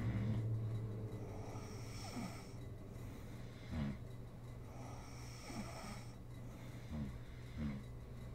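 Low, rumbling snores recurring every second or two over a steady background hum; snoring during sleep.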